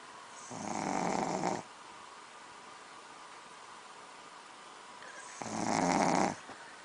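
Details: Shih tzu dog snoring during sleep: two harsh, rattling snores about five seconds apart over steady room hiss.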